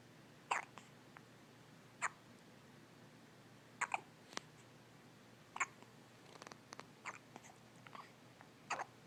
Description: Baby has the hiccups.